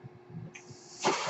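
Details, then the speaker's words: Speaker's own ventilator heard while the user talks during a podcast recording: soft hiss with a faint steady hum, then a rushing puff of air; mechanical ventilator noise. "that noise you're hearing is my ventilator"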